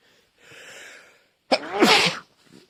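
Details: Single sneeze, possibly pollen-related: audible breathy inhalation, then one sharp, forceful sneeze.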